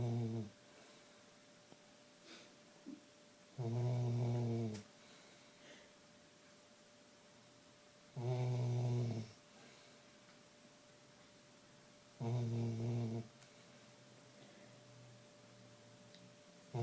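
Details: Sleeping Labrador dog snoring: deep, rumbling snores about every four seconds, roughly 14 a minute, with quiet pauses between them over a faint steady hum; snoring.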